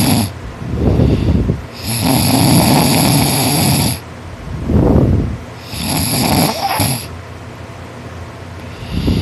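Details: Boy asleep after a hard day's work, snoring loud and nonstop. He says he snores louder when tired because his throat relaxes. Loud, harsh, rasping snores in long runs with brief pauses, like sawing wood.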